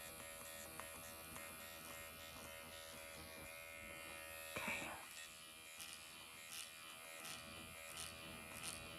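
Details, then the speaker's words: Automated microneedling pen used in self-treatment of the face at 1.5 mm needle depth, after forehead and eyes, with vertical, horizontal and cross-hatch passes; almost painless, little bleeding. Steady high electric buzz with faint clicks and room noise. "As you see, it's not a bloodbath doing this. You don't feel anything. Sometimes it can feel like, I would say like a cat is licking you."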